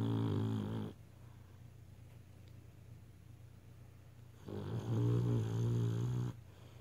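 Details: Sleeping beagle snoring: two deep, rumbling, vibrating snores separated by a quiet pause of about three and a half seconds; ordinary snoring.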